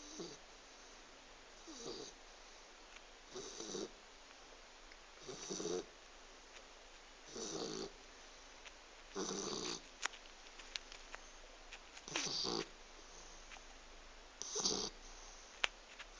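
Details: Short, soft, snuffly snores about every two seconds, around 28 a minute, over faint room hiss, from a sleeping pet Labrador dog; snoring.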